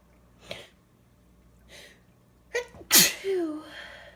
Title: Sneezing (F)